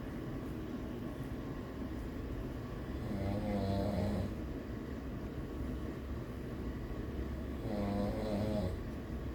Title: I caught my daddy snoring haha